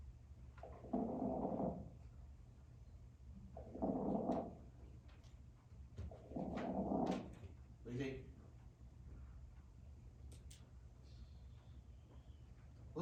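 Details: Patient with COPD: crackles (rales), a bubbling, crackling sound with fluid in the airways.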